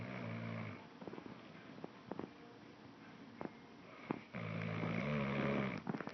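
Low, buzzing snores on the breaths at the start and end, with quieter sniffs and small clicks between them.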